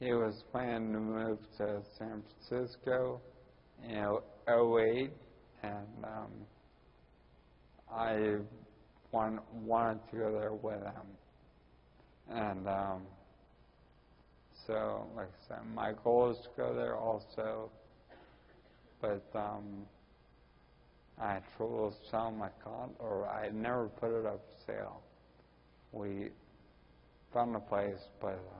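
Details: Ataxic dysarthria in a 41-year-old man with Friedreich's ataxia, diagnosed at almost age 20.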